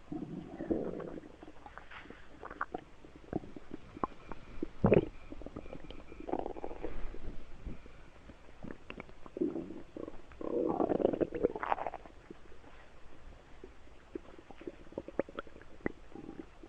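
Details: Stomach rumbling (borborygmi): repeated low gurgling rumbles and bubbly squeaks, with one louder gurgle.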